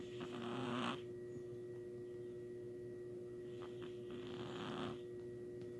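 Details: Two rough, rattling breaths about four seconds apart over a steady background hum; snoring.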